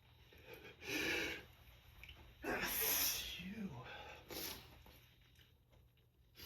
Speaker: All I've been able to do all day is surrender to these tremendous sneezes. They take over my whole body. My whole body just quivers.